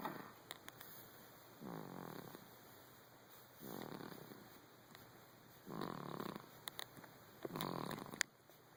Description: My sister's baby snoring